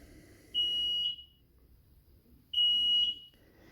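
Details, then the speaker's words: Blanketrol III hyper/hypothermia unit started without water during self-test: two steady high-pitched tones, each about half a second, repeating every two seconds, the low water level alarm, with visual alarm flashing. "o alarme visual nível de água abaixo já está piscando e o som pra vocês estão ouvindo é é da falta de água"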